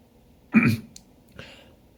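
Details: Suspected pollen allergy after moving to a new city, with itchy nose and eyes: one sudden forceful explosive sneeze with a short vocal component, then a faint follow-up breath.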